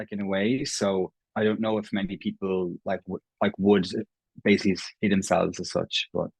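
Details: Irish adult man who has stammered since he can remember, self-identifying prolongations, repetitions and blocks; real, not acted: stammering (stuttering).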